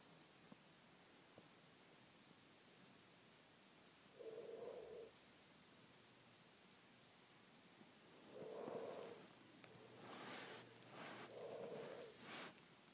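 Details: Sleeping cat snoring: soft, low, buzzy snores about every four seconds over quiet room noise, with a few brief rustles.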